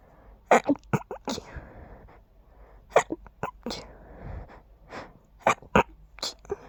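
A series of short, muffled sneezes with sharp bursts and soft breaths in between: stifled, held-back sneezing.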